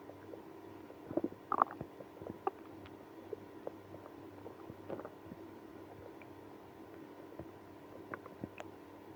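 Quiet background with scattered squelching gurgles and brief squeaky rumbles; bowel sounds of stomach growling in irritable bowel syndrome.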